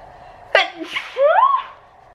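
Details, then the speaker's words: Adult having a sneezing attack in the morning: one sharp voiced sneeze followed by a brief sighing, rising vocal sound. "Yeah, I'm having a sneezing attack."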